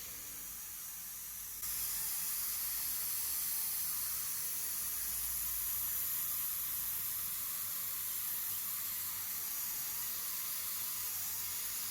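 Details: Professional dental cleaning after braces removal to remove leftover bracket glue: a steady high-pitched hiss and water spray from a dental scaler in use throughout; the procedure is described as not painful but uncomfortable.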